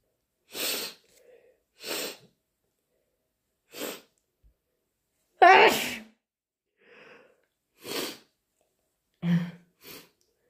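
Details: About seven forceful, deliberately induced allergy sneezes, some with a brief intake before them, spaced one to two seconds apart; allergic sneezing.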